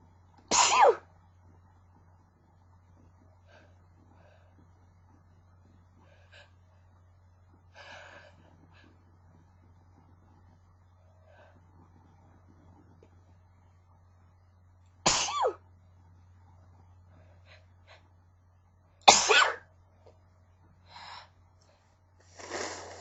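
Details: A person who is sick has a sneezing fit: three forceful sneezes over about twenty seconds, with softer breathy false starts between them.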